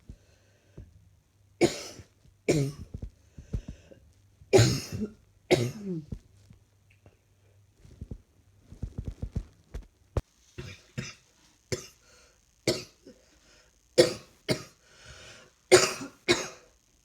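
Repeated coughing, about a dozen coughs in loose bouts, mostly dry and harsh, in a quiet room.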